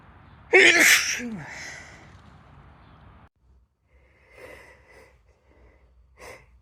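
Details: Female sneezing in late summer: a sharp, loud sneeze with a voiced burst, then quieter breaths and a small second sneeze near the end.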